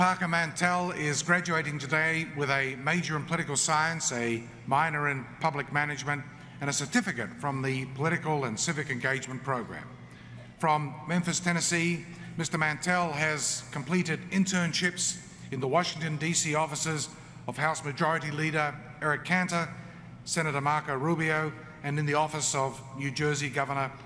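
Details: Adult man; typical speech.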